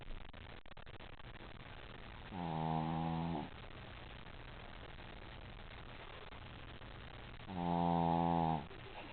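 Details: Dog sleeping after a long day at doggie daycare, with loud, deep buzzing snores about five seconds apart, each lasting about a second, over low room noise; snoring that sounds like a grown man's.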